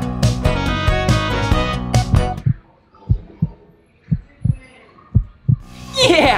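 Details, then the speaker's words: Music fades into soft low thumps, roughly paired beats: a played heartbeat sound effect in a children's museum show, as a pretend stethoscope checkup is done on a toy pup. "look a stethoscope thing to look inside his ears a thermometer yeah so let's just check his heartbeat ready"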